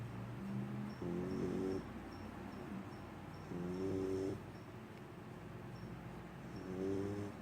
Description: My puppy snoring... she's so cute :)